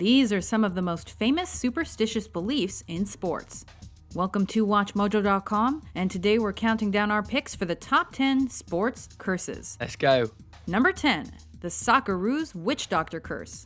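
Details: Adult narrator; normal speech.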